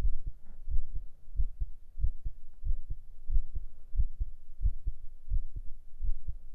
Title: 【ASMR/Binaural】heart sound & relaxing for Sleeping,Working,etc...9【心音・安眠睡眠作業用など】